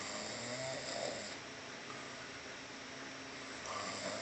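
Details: Sleeper snoring heavily: soft, steady snores with a low rattle on each breath and faint room noise in the background.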